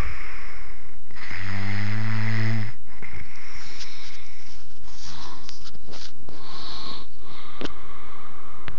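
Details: A man snoring, recorded on an Android phone: one loud, deep, rattling snore on an in-breath, then distorted, noisy breathing in a heavily overloaded recording.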